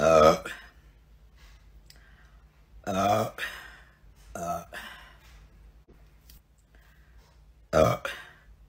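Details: Three short, guttural voiced belches separated by quiet room noise: burping.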